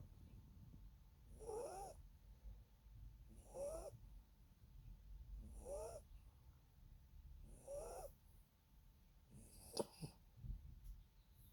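Soft rhythmic snoring from a sleeping small dog, about five breaths heard at roughly 29 a minute, each with a faint whistling squeak.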